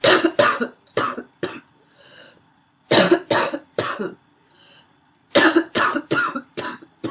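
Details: Female with a wheezy barking cough: three runs of harsh barking coughs, about thirteen in all, with faint whistling wheezy breaths between.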